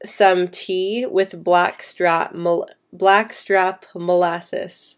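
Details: Female speaker who stutters, answering live questions, with a part-word repetition; stuttering.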